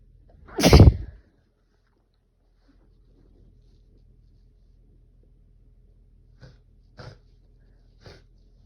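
One loud, explosive sneeze, then quiet, then three faint short sounds, perhaps sniffs. A single sneeze.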